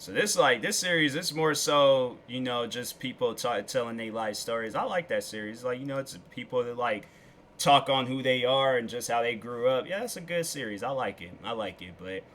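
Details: Adult male speaker; Normal speech.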